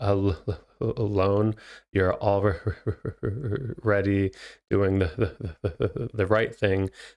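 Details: Adult male speech therapist who has stuttered himself, speaking naturally with real (not acted) stuttering; finding: stuttering.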